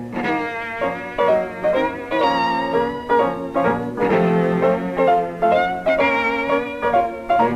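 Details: A string quartet plays with full, clear tone, bright violin lines over cello and piano. This is the unaltered reference as normal hearing perceives it, before simulation of Beethoven's hearing loss, which began in the upper octaves.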